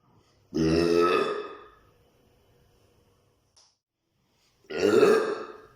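Two loud, long, voiced belches separated by a few seconds of quiet; ordinary burping (eructation), air brought up from the stomach.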